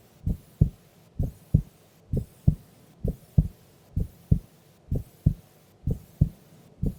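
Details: Heartbeat sounds of a sleeping female during an afternoon nap; normal heart sounds.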